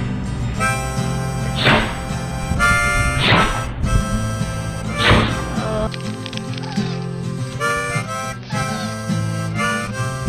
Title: Dogs Sneezing